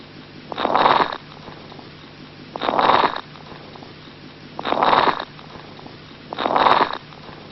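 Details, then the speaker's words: Teaching recording of lung crackles (crepitations): four breaths, each with a crackling rustle on inspiration, likened to rubbing hair between fingers; sound of lung disease. "it is crackles or crepitations for those of you who have hair take your hair and rub it in between your fingers so that you can listen to what hair sounds like"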